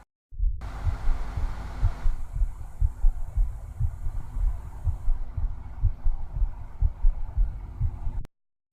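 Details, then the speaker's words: Congestive heart failure patient with a slow pulse, stethoscope on the left side of the chest: low, muffled heart thumps at about 60 a minute with a steady hiss. "पहला, यदि पेशेंट का pulse slow है तो इस प्रकार का साउंड सुनाई पड़ेगा।"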